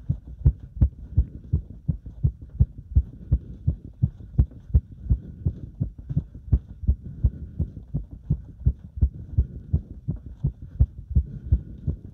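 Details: Heart sounds during step-up exercise: rapid, regular, low thumping heartbeat at about 160–170 beats a minute; a normal exercise-raised heart rate.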